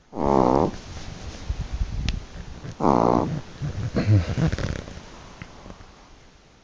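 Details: Chihuahua: two loud, buzzing, rattling breath sounds about three seconds apart, then softer snuffling, likened to snoring like a truck driver; snoring in a small dog.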